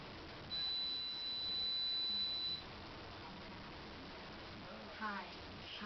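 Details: A steady, high, pure tone lasting about two seconds, then quiet room sound, during a first hearing test given by an organisation for deaf and hard-of-hearing children in Vietnam; a hearing test tone.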